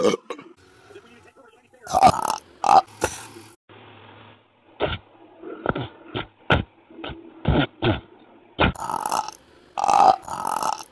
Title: Fast motion burps